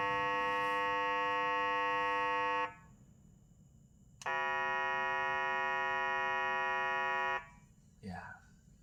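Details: Two loud, steady buzzing electronic tones, each a few seconds long, from the acoustic stimulator (AST1 and AST2 settings) of a Bistos BT-220C fetal Doppler, used to stimulate the fetus.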